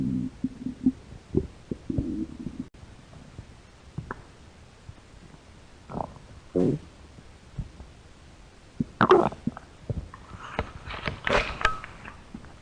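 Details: Hungry American girl's stomach growling: irregular gurgles, squeaks and rumbles from the belly; stomach growling from hunger.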